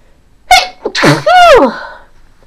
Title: Random sneezing